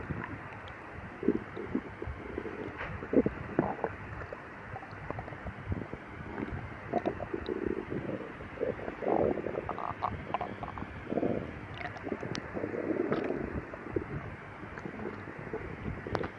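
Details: Stomach growling before and after drinking milk after a 12-hour fast, in a person with severe lactose intolerance; low gurgling and rumbling bursts over a steady hiss; borborygmi.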